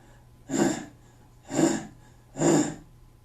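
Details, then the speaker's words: Adult imitates a struggling child in a pediatric respiratory emergency: three short, forceful grunting exhalations after a prolonged expiratory phase, as in asthma or bronchitis; expiratory grunting. "your asthmatics your bronchitises you'll see that expiratory phase extended and when that's not working they start grunting"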